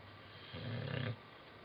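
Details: Old English bulldog asleep: a single low, fluttering snore of about half a second over steady room noise.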